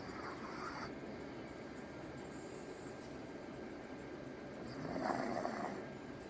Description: My dog snoring so loud.